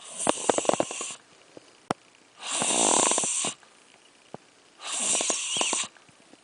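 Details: Sleeping while a puppet show plays: three loud rasping, fluttering snores about two seconds apart, with short clicky snorts between; snoring.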